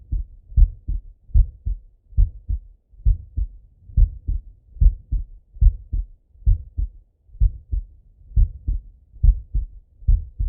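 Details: Heart sounds of a male lying on his left side, via stethoscope: steady two-part lub-dub heartbeat, about 70 beats a minute, regular and clear.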